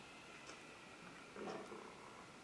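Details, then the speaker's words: Adult who skipped breakfast has a loud stomach growl: a brief, low, rumbling gurgle rising out of quiet room noise, normal borborygmi of an empty stomach. "oh that was my stomach growling i hope you guys didn't hear that wow that was loud"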